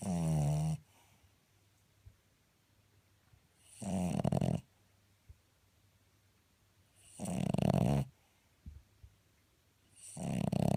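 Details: Dog snoring, recorded 2014-11-10.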